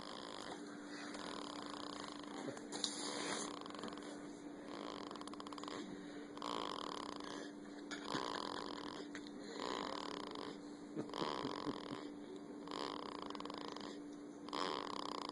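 Repeated rasping snore sounds, roughly every one to two seconds, over a steady background hum; snoring.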